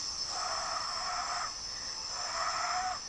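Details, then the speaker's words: Pediatric polytrauma patient just intubated, with respiratory distress after intubation: two harsh, rushing, labored breath sounds over a steady high-pitched equipment tone; noisy breathing with respiratory distress. "aquí recos que lo acaban de estudar lo tienen manejando y este trae dificultad respiratoria al después de la intubación"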